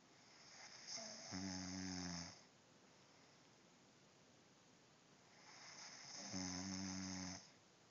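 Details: A person gives two loud, rattling snores on the in-breath, about five seconds apart, with quiet breathing between them. This is ordinary snoring.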